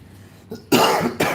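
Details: Adult who says they are sick gives a short, harsh cough in two bursts.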